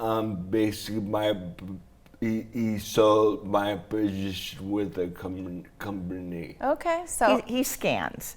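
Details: Adult man with traumatic brain injury from a snowboarding crash into a tree, with damage around the brainstem and cerebellum; after a coma he relearned to talk. Slurred speech; dysarthria after traumatic brain injury.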